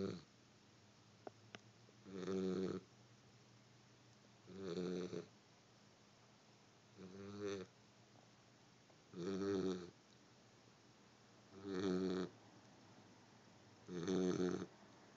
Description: My pup snoring away...